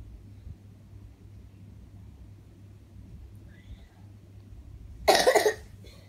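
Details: Young child with a cough, which the parent links to eating ice cream and cold drinks and is giving medicine for: a single harsh cough burst after quiet room noise.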